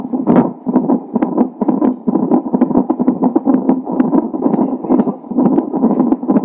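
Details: Doppler recording of fetal heart sounds a few hours before birth, in a baby with Down syndrome: rapid, swishing pulses at about 130 per minute.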